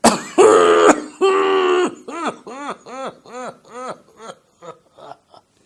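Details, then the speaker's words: Imitated COPD cough demonstrated by a doctor: two prolonged harsh expiratory efforts, then a fading train of about ten weak, short coughs with long pauses, attributed to small-airway collapse in COPD. "classical you know those long sound pauses that you get is because these small Airways collapse and that is what causes this typical cough so if you see a patient with a cough like this you would know that this is likely to be a cough of a patient of COPD"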